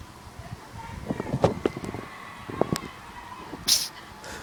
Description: my Cat, Weasley, kept on sneezing and sneezing! soooooo cuuuuuttee!!